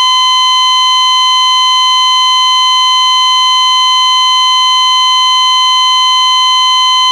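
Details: Sound-effects library recording (not a real patient) of an ECG heart monitor flatline: steady, unbroken high-pitched tone with no beeps, signalling no detected heartbeat.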